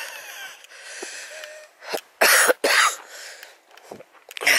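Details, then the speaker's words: A wheezy adult walking uphill outdoors gives a few harsh, rough coughs amid outdoor noise. He reports past breathing problems he once blamed on strong pool chlorine and says coughing helps clear mucus. "i cough that's a good thing coughing is good it helps to remove the muck remove the air"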